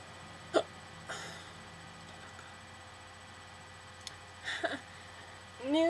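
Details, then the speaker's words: Person with hiccups after drinking soda, on a hot day: several brief, abrupt voiced catches spaced a few seconds apart in a quiet room; hiccups. "so apparently I have the hiccups and that was not water wasn't water it was like soda or something"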